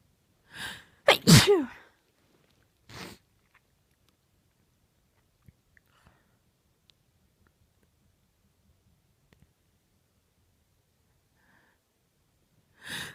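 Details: Adult female, indrawn breath then a loud uncovered sneeze, a short breath after, and the start of another sneeze at the end; powerful sneezing.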